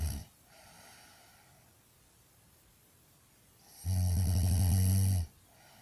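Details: Annoying snoring: a loud, rough, low rattling snore on the in-breath, with quiet breathing between.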